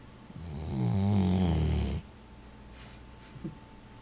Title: DeeOgee snoring